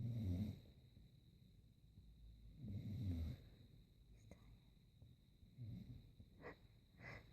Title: Housemate snores again